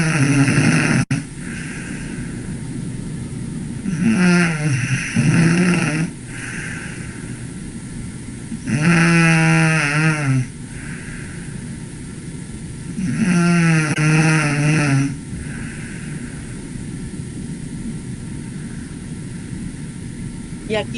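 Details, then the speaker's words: Sleeping young child gives three loud, rough snores, then several seconds of near silence with no airflow while chest and abdominal movements continue: snoring followed by obstructive sleep apnea. "aquí vemos ese parar de roncar, ¿verdad? Ya no ronca, ahí está la apnea, no hay flujo de aire."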